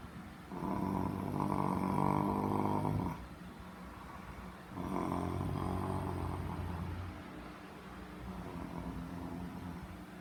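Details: Simulated snoring: an adult husband pretends to be asleep and fakes long rattling snores on the in-breath, about 3 per 10 seconds, with quieter out-breaths between.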